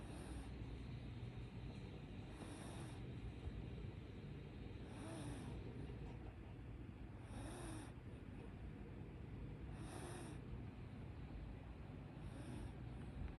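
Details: Sleeping dog snoring: soft, regular snores about every 2.5 seconds, roughly 24 a minute, over a steady low background hum.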